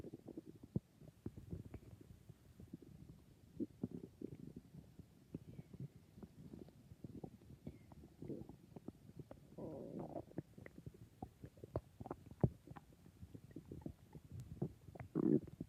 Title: I think my stomach is being very noises